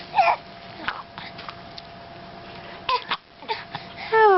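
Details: Person with recurring hiccups: several short, abrupt, squeaky catches spaced irregularly over background noise: hiccups.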